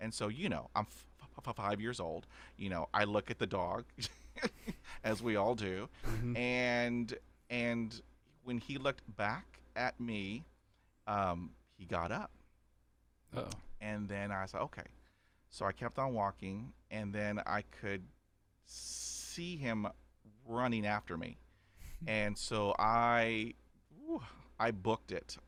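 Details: Adult man who has stuttered since age five, after a dog attack, describing about 80% fluency after 20 years of speech therapy, still with repetitions and blocks; stuttering.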